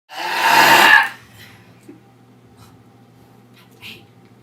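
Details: Girl burping, possibly during a soda/water burp challenge: one loud, drawn-out rumbling belch lasting about a second, followed by quiet room noise; voluntary belching.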